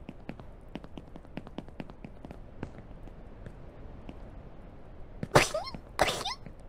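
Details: Two sharp, explosive sneezes after quiet clicking noises, by a VTuber during an Only Up game stream; sneezing.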